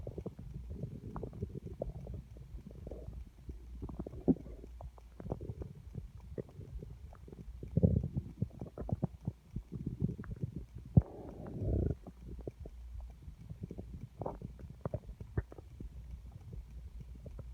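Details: Crazy loud stomach growling from an empty stomach, felt rumbling against the hand: continuous low gurgling and rumbling with bursts of louder growling, active bowel sounds (borborygmi).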